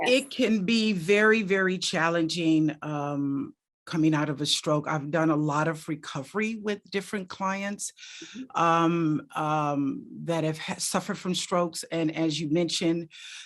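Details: Adult speaker; no disorder.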